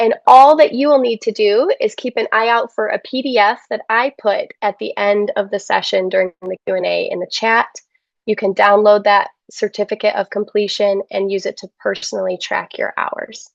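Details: Adult woman; typical speech.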